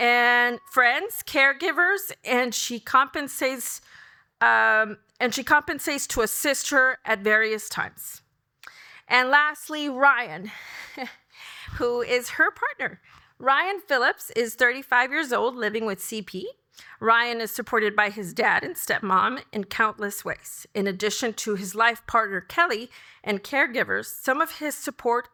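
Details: Adult woman speaking; typical speech.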